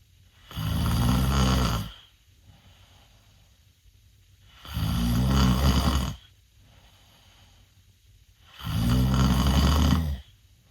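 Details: 16-year-old male sleeping with mouth open, snoring worse than a previous recording: loud, deep rattling inspiratory snores about 15 per minute with quiet pauses; snoring.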